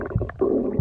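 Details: Brief low gurgling rumble from the abdomen: ordinary stomach growling, bowel sounds.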